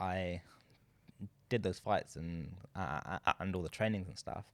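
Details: Adult man who stutters, speaking with his wife in a conversation about stuttering for International Stuttering Awareness Day; stuttering.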